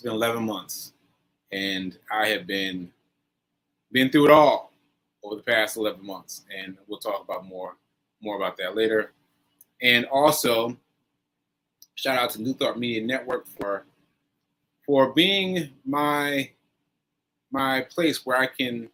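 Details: Post-stroke aphasia in a male, stroke on 7/14/22, recorded about a year later during ongoing recovery; word-finding pauses, repetitions, fillers and restarts.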